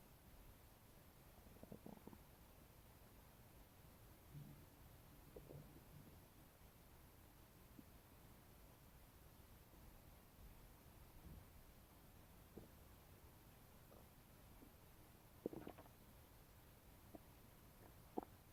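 Soft gurgles and brief squeaks from the abdomen: ordinary bowel sounds after eating.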